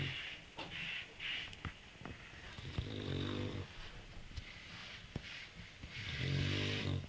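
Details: Dog that snores a lot, day and night: repeated low snoring breaths with a nasal whistle and soft snorts, about one every two to three seconds, with clicking room noise.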